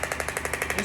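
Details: Radial shockwave (EPAT) handpiece warming up the common origin at the patient's elbow: rapid, regular mechanical tapping bursts, about eleven a second; radial shockwave device firing.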